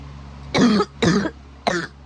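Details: Cough keeping the person awake: three harsh, loud cough bursts in quick succession.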